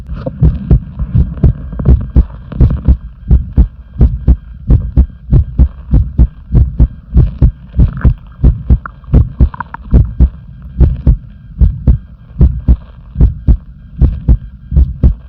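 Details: Heartbeat: strong, regular low thumps in clear pairs at about 95 beats per minute, with a low hum in the background.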